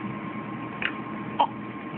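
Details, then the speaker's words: Young girl, talking and asked to sing her ABCs; two short, sharp involuntary catches about half a second apart against a steady room hum; hiccups. "I can't. I got a hiccup. Sing it. I can't. I got a hiccup."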